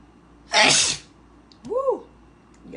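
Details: One loud, explosive, hissing sneeze followed by a short voiced sound, from a compilation of mostly Black women sneezing; an ordinary single sneeze.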